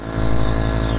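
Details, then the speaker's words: A home nebulizer compressor running while an infant girl lies on the bed, receiving about 10 minutes of nebulization with saline only and no medication while she is sick. "Aí eu afastei o colchão, botei aqui no nebulizador e o soro, vou dar com o soro fisiológico mesmo, vou botar a medicação não."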